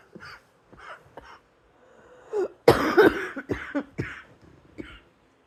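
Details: Faint throat sounds, then a loud burst of about four harsh coughs in quick succession in a small room.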